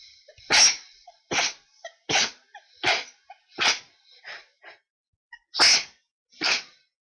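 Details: Requested sneezes with a very tickly nose, described as unable to stop sneezing: about eight sharp, hissing sneezes in quick succession, each with a short breath between; repeated sneezing.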